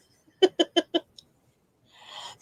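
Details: Adult with a cold, snotty, bunged up and tickly cough: a few quick voiced catches, rushed inhalation, then loud explosive sneeze, followed by repeated sneezes.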